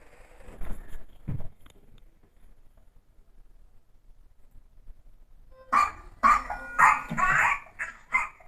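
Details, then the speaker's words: Child with pertussis (whooping cough): a run of rapid, harsh paroxysmal coughs with noisy, high-pitched catches of breath between them. "Eso es todo muchas gracias por su tiempo y les voy a mostrar aquí un paciente con tos ferina"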